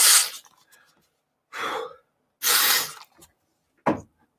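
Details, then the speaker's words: Three quick hissing spray bursts with sniffing, then a short sharp snort as an adult male uses nasal spray because he cannot breathe through his nose; nasal spray use. "i'm using nasal spray because i can't breathe so stand by"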